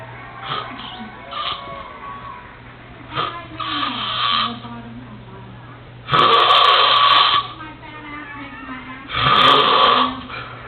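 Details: Adult roommate snoring during a nap: loud, rasping snores about every three seconds, softer snorting breaths between, faint music in the background.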